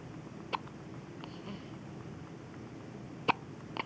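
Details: Baby girl with late-night hiccups, not seeming bothered: brief, abrupt hiccup sounds, about three in four seconds, over steady room noise; hiccups.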